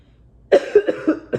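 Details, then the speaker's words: COVID-19-positive mother with a heavy chest and increasing difficulty breathing: a rapid run of four or five harsh, loud, close coughs that she describes as unsatisfying, never clearing the chest. "it's it's just like one of those cops that you no matter how much you cough you're not getting that satisfying okay i got this [ __ ] up off my chest"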